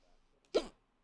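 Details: Single sharp, brief voiced hiccup in near silence from an adult who has had repeated hiccups and cannot hold their breath to stop them.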